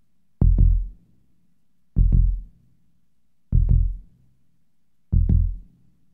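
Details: Simulated heartbeat sound effect that slows down: deep, clear lub-dub pairs at a very slow rate, about 38 beats per minute.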